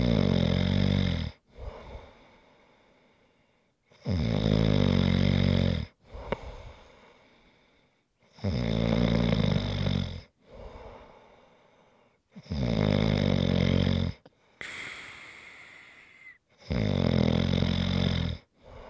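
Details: Regular loud vibrating snores on inhalation with softer breathy exhalations between, about five cycles in 19 seconds; heavy snoring recorded as ASMR relaxation sounds.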